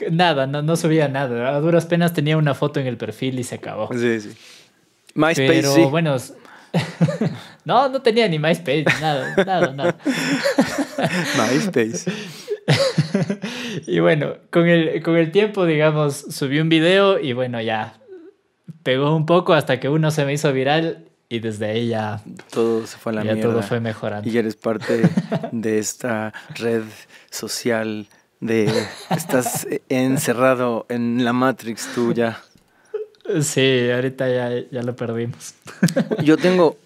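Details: Mexican male singer who has stuttered since early childhood and says he does not stutter when singing; finding: stuttering.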